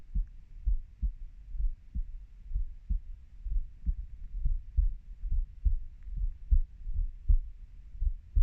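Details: Regular soft low thumps of a 30-year-old's heartbeat, roughly 70 beats a minute, with faint background hiss.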